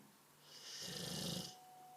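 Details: A single snore from a Bullmastiff, low rumbling start and hissing, airy finish over faint background noise: ordinary snoring.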